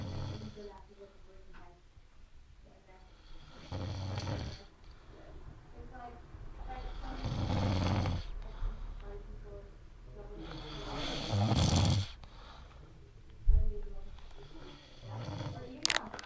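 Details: Irregular, deep, rattling breaths swelling into louder snores, with a bump and faint room noise, from a drunk adult male friend asleep; snoring worsens towards the end.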